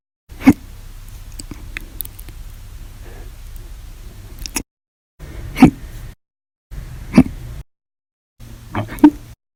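Four short, sharp gulping bursts, each abrupt and followed by quiet, spaced a couple of seconds apart: hiccups.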